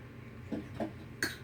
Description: Ever since my daughter was born I'd say bad cough every time she would cough and this is what my 5 month old does every time now :)